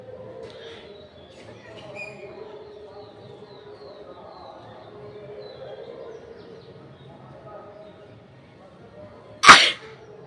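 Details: A woman's single sharp, explosive acted sneeze, recorded outdoors on a rooftop with birdsong in the background; sneezing and nose-blowing request video.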